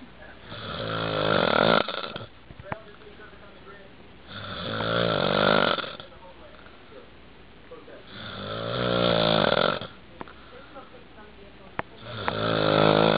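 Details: Four loud, rattling snores on breathing in, about every four seconds (roughly 15 breaths a minute), with quiet breathing out between; snoring.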